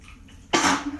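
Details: Brief quiet lead-in, then one sudden forceful burst of air: a single sneeze after holding sneezes back.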